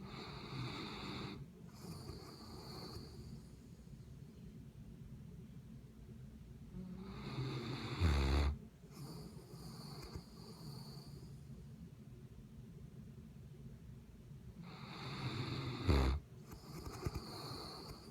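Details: Sleeping mastiff: deep, rumbling snores, about two heavy snorting breaths, against steady low background noise; snoring.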